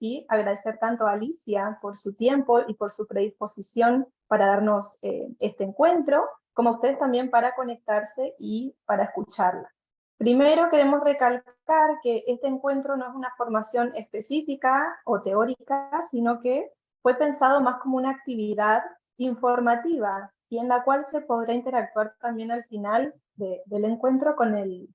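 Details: Adult woman speaking Spanish; normal speech.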